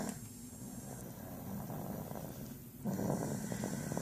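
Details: Sleeping dog: low, rumbling, rattly breathing noises rising on the next breath; snoring.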